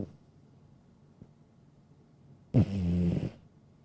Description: Adorable sleeping cute cat with relaxing snore sounds with no copyright.